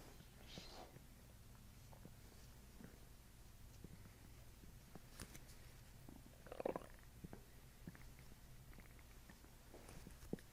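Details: Scattered soft gut gurgles and one louder bubbling rumble over room hum, during a chiropractic session while the patient takes belly breaths; borborygmi.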